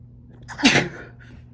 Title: First time chhinkni sneezes (M)